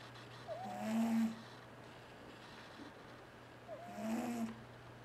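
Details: Sleeping cat: two drawn-out, whistling-toned snoring breaths about three seconds apart over a steady low room hum; snoring during sleep.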